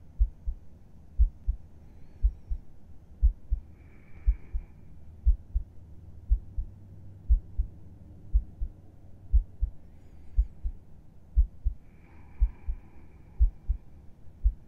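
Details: Adult's resting heartbeat heard with a head on the chest, in a falling-asleep ASMR roleplay: steady paired low thumps, about 60 a minute, regular and calm; normal heartbeat.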